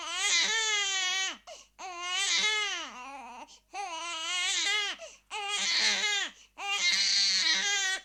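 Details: Crying baby sound effect: an infant cries in repeated loud, high-pitched wails separated by brief catch breaths.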